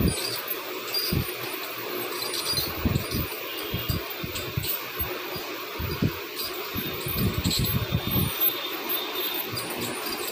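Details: Ultrasonic scaler with water spray during dental teeth scaling: steady high-pitched hiss and whine with irregular low rattling.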